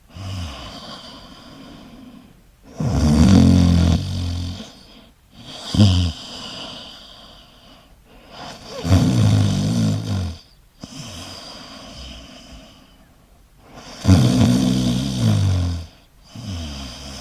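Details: Loud, rattling snores on each in-breath with quieter breathy out-breaths, about ten breaths a minute: snoring.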